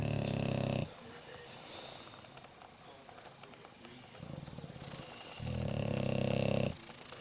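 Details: Sleeping bulldogs snoring with loud, rumbling, fluttering snores on breaths in and quieter snorty breathing between them, while another checks them out; snoring.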